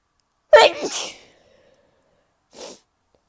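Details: Sneeze in a person who has been sneezing a lot lately and suspects a new allergy: one forceful sneeze with a sharp explosive burst and voiced tail, then a short breath or sniff.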